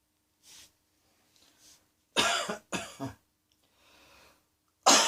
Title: Cross Dressing Coughing 30